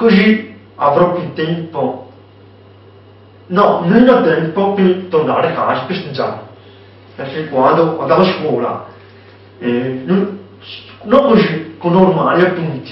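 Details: Young man with hearing loss (deafness) who hears word sounds imperfectly and relies on lip-reading; deaf speech.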